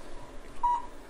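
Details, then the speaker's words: Single short electronic beep from a low-level (cold) laser therapy unit, showing it is on, treating plantar fasciitis of the foot with a program for the plantar fascia; quiet room noise. "beautiful thing about this technique is you hear the machine beeping you know it's on and what's happening here is we are almost melting away the adhesions are from the fascia that cause the pain"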